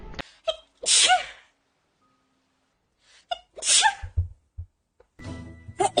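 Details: Sneezes from a vtuber who says they have allergies: two sharp sneezes, each a quick in-breath then an explosive burst, over background music and brief talk.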